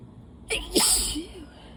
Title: Wet, desperate allergy sneezes